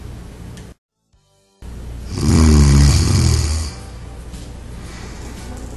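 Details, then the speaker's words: One loud, low, rattling snore over background music, in a demonstration of a smart anti-snore pillow whose sensor detects snoring sounds; snoring. "if four more snoring sounds are detected the pillow goes through the shifting operation again the entire process is repeated until no more snoring sound is [Music] detected"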